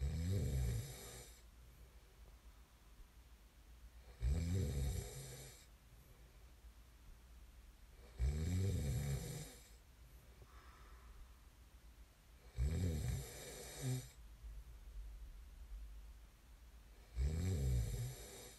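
Loud, low, rattling snores about every four seconds, roughly 14 breaths a minute, with quiet exhalations between.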